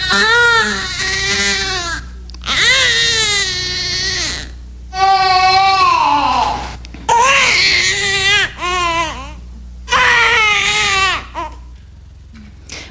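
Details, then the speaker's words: Infant gas-pain "air" cry: long, strained wails with a rough, bearing-down quality as the diaphragm pushes down to expel painful intestinal gas. "donc on l'a appelé le son air bon ceci moi je l'écris r comme ça parce que c'est plus facile de s'en souvenir c'est à cause de l'air qui est dans le ventre donc c'est un son qui est beaucoup plus gros beaucoup plus il ya une poussée vers le bas"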